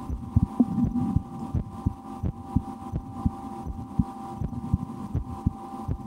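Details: Own heartbeat heard through a stethoscope in an ASMR recording, after a lunch with loud digestion: faint lub-dub beats under steady hum and stethoscope rubbing; normal heart sounds.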